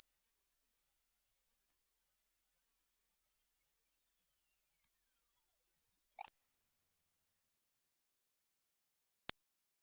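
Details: Hearing range test: a very high steady tone slowly rising in frequency for about six seconds, then silence; a tone sweep.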